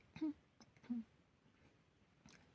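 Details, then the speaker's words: Gentle throat clearing demonstrated to protect vocal folds during cold-season mucus: two soft, quiet clears without a hard glottal attack, moving sticky mucus off the mucosa toward the esophagus. "видите, нет никакого удара голосовыми складками."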